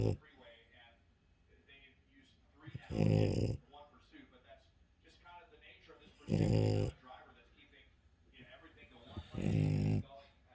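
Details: French bulldog snoring: three loud, rough, low-pitched snores at about 19 a minute, with quieter breathing and faint room noise between them.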